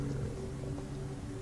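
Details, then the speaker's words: Hungry vlogger's stomach growling: a low, steady droning rumble with a faint wavering tone; borborygmi. "I don't even know if you guys heard that noise my stomach just made I'm so hungry"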